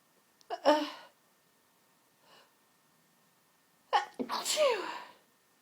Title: 2012 sneeze fit.wmv